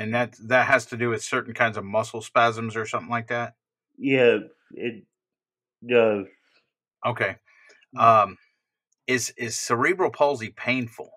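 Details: Adult speakers in conversation; typical speech.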